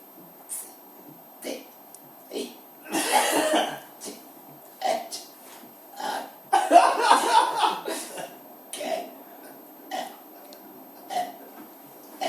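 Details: Person deliberately burping the alphabet from A to Z: a string of short voiced belches at a steady pace, with two longer ones: repeated burping.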